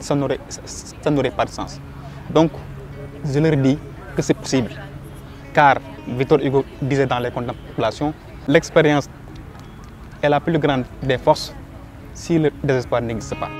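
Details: Young Senegalese man who stutters, a political science doctoral student who coordinates a stuttering association in Dakar; stuttering.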